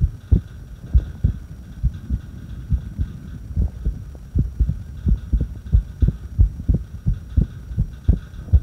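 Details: Heartbeat recorded during a breath hold: low heart thumps at uneven intervals over a faint steady hum; irregular heartbeat.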